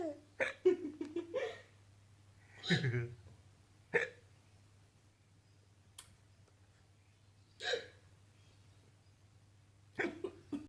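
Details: Mother's hiccups, several sharp abrupt hiccups a few seconds apart amid laughter and brief talk from child and father over room hum; hiccups.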